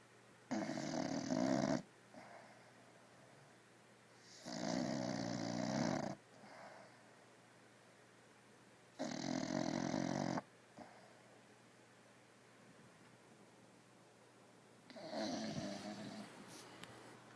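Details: Female bulldog asleep on a new bean bag bed: loud, rough snores repeating about every four seconds, roughly 14 a minute, with quiet gaps between; heavy snoring.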